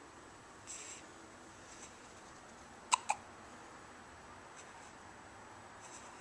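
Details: Young child on a couch who hiccups often whenever awake: two sharp, brief hiccup clicks close together against quiet room noise.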